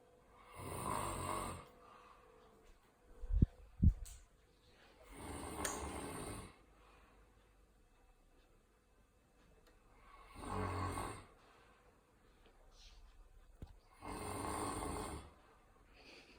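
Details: Slow, regular rumbling snores on each breath, about 13 a minute, with quiet pauses between; ordinary snoring.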